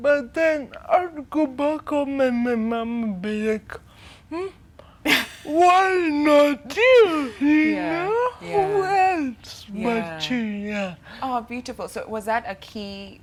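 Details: 25-year-old woman with cerebral palsy from brain damage due to lack of oxygen at birth during her mother's prolonged labour, affecting leg and hand movement, coordination and speech; dysarthria.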